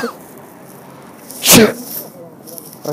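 A single loud, explosive sneeze burst with a short sharp onset over quiet room background.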